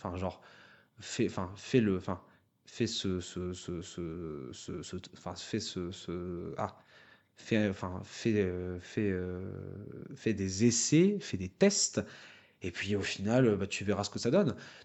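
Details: Adult who stutters, speaking French about a public-speaking contest for people who stutter; stuttering with mild repetition such as "la la".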